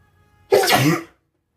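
A single sudden, explosive burst of air lasting about half a second after silence. One sneeze.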